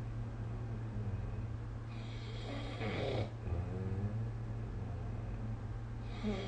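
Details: Snoring recorded with the SnoreLab phone app during sleep: low rumbling snores on the in-breath over a steady hum of room noise.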